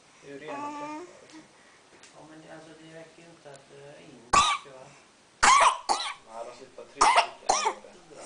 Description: Cute baby adopted from South Africa has plenty to say in between coughs and sneezes